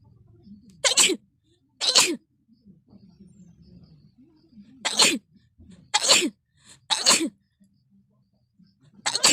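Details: Six sharp sneezes at irregular intervals with soft breathing and snuffling between them; repeated sneezing.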